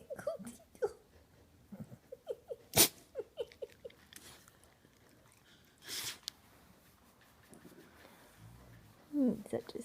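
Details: Blue Heeler dog sneezing on owner's lap after her nose is tickled: two short, sharp bursts of air among small snuffling sounds.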